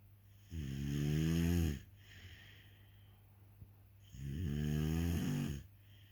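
Two long, loud, rattling snores on breathing in, separated by quieter breathing out, in a room with steady hum: snoring.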